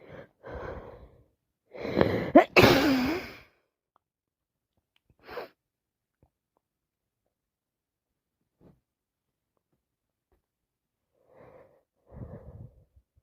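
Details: Person sick with a cold: a few short breathy bursts, then a loud wet sneeze preceded by a sharp intake of breath, and quiet sniffs afterward.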